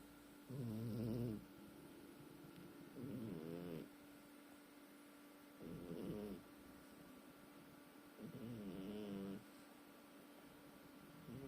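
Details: Snoring "like a steam engine": four regular snores about every 2.5 seconds, with soft rising whistly tones on each breath over a steady room hum.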